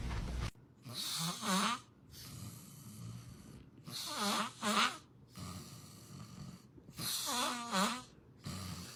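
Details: Rhythmic snoring, about 19 breaths a minute, each inhale ending in a squeaky, whistling double tone, with soft rushing exhales between.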